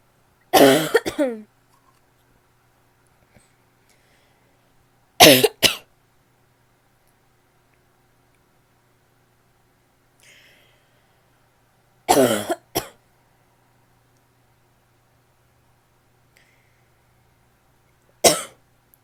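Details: Female makes four harsh, barky coughing episodes, some with a quick second cough, separated by quiet pauses: barking cough.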